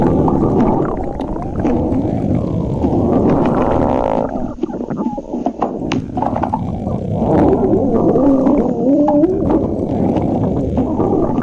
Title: stomach growling